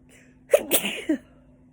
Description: Sneezing repeatedly.. ughh the wind is kicking up so much dust .